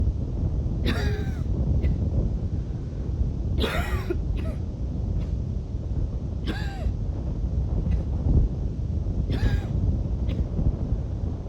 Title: some wheezy coughing before bed